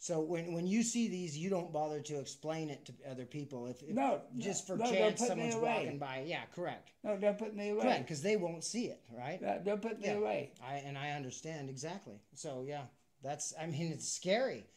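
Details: Adult speech, possibly two speakers in conversation; ordinary speech.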